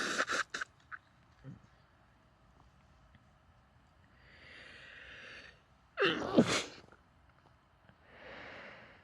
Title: stifled sneezes, nose blowing and let out sneezes into a handkerchief (f)